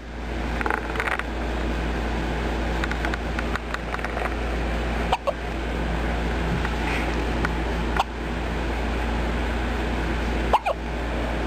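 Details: Infant with hiccups: three brief, sharp hiccup clicks over a steady background hum.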